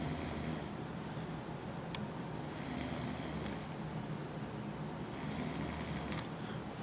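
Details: Adult man snoring asleep after drinking Scotch to celebrate a Stanley Cup win: rough, rattling snores on each breath, roughly every two and a half seconds, over steady room noise.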